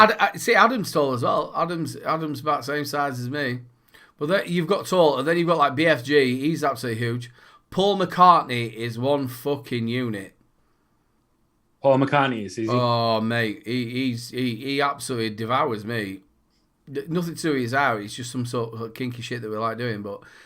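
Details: Adult male speaker; no disorder.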